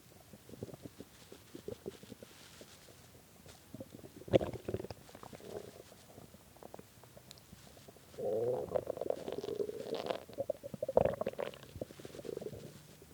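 Soft gurgling that builds into a long, low, drawn-out growl, typical hunger rumbling of an empty stomach.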